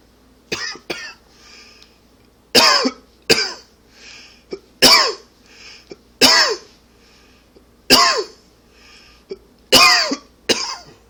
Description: Allergy / smoking cough.